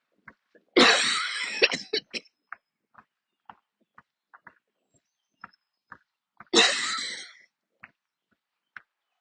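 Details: Coughing attack while still walking to catch a train, near the end of a walk: two harsh, forceful coughing bursts with crunching footsteps on a path in between.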